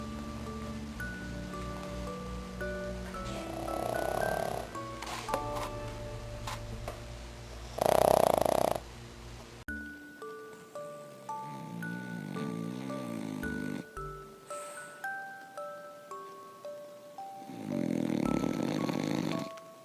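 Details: Snoring from a sleeping French Bulldog: rough, noisy snoring breaths, partly masked by background music.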